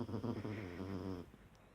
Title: Snoring Dog (Snores more than I)